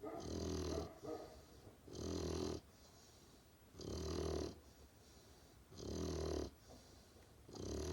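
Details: Great Pyrenees puppy asleep: rhythmic rough snores, about one every two seconds with quiet pauses between; snoring.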